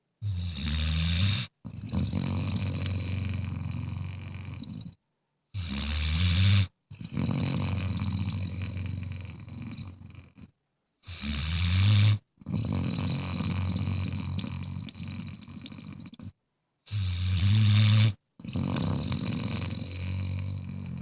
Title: Bluetick Coonhound snoring